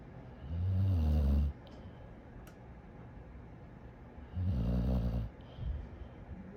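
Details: Very tired sleeping dog after a big day: two deep, rumbling snores about three seconds apart, each about a second long, with quiet breathing between; ordinary snoring.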